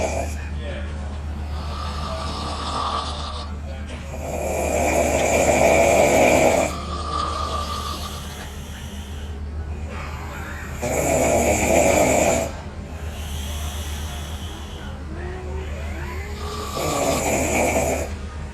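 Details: Two young women snoring after a long night of partying and drinking: loud, harsh snores recurring every few seconds over a steady low room hum; heavy snoring.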